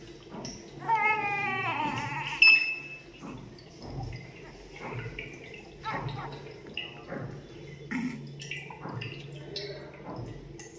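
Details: Brief high, wavering newborn cry followed by quieter sounds over background noise: a newborn's first cry.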